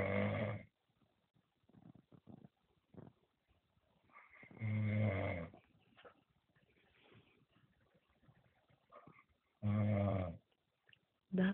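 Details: Loud snoring, recorded around 20:42; deep rumbling snores about every five seconds with softer breathing between: snoring.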